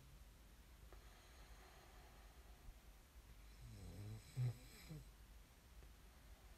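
One low rattling snore over steady room hum during sleep; ordinary snoring.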